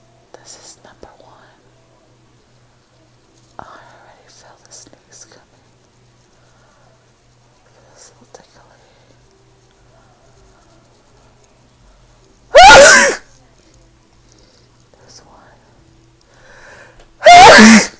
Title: ASMR Making Myself Sneeze 100 times (really 9)